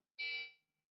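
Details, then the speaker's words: Single short high beep from a battery-powered Beluga neonatal resuscitator during a tabletop demonstration, cueing each breath at 30 per minute with PEEP 5 and PIP 20. "and now when that beep tells you how often you should close the flow here"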